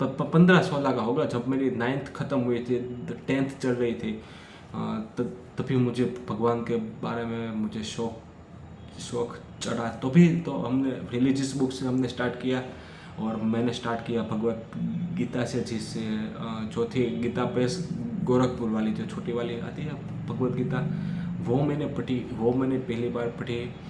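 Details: Young man who stammers, practises daily and reports much control gained but symptoms persisting on certain sounds, speaking freely in continuous-speech practice; stuttering.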